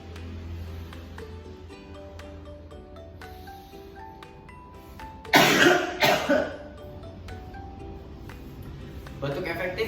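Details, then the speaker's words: Effective cough demonstration, sitting upright after three breaths in through the nose and out through the mouth: two deliberate forceful coughs, the first to bring phlegm to the throat and the second to the mouth. "Baik, langkah pertama yaitu duduk tegak, melakukan tarik nafas. Tarik nafas yang dilakukan adalah melewati hidung dan dikeluarkan lewat mulut. Lakukan secara 3 kali. Lalu boleh dilakukan yaitu batuk efektif."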